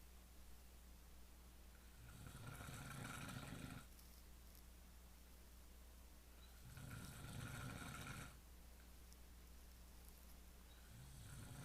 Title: I don't snore